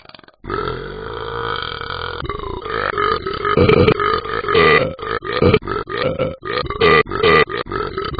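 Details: Person burping: one long, loud, throaty burp breaking into a rapid run of pulsing belch sounds; burping.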